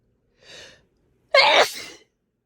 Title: Powerful wet sneezes